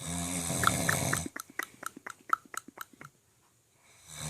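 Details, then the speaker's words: Father snoring loudly at 2 a.m. during sleep: a loud, rough snore, then a run of quick fluttering snorts as the breath ends. "this is us at 2:00 in the morning and he always wants to talk mess but yet we are sitting here and can't sleep because daddy is snoring so loud"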